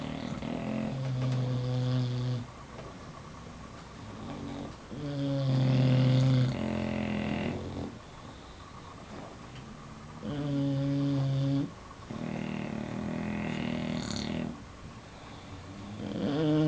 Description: Snoring bulldogs symphony.